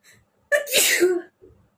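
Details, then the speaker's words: Adult with a cold for 2–3 days, sneezing repeatedly with watery eyes, during a sneezing challenge: a single forceful sneeze with a faint intake of breath before it, in a quiet room. "তো আজকে অনেকগুলোই কিন্তু হ্যাচ্ছো হলো, অনেকগুলোই হয়েছে।"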